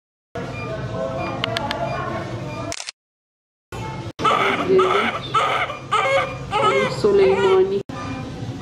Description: The first cry of a newborn baby after birth